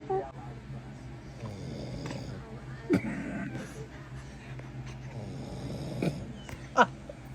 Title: Dada snoring wakes her up quite often 😩🤣🤣🤣 #7monthsbaby #momlife #girlmom #baby